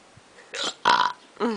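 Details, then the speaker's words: Unusual hiccups in a boy that come out as burps ("hicburps"): two loud, throaty burps in quick succession, followed by a short vocal sound. "no I got the hi burps hi o"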